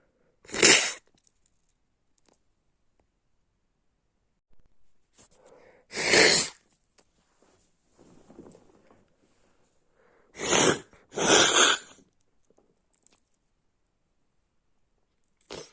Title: My sick snotty sneezes and coughs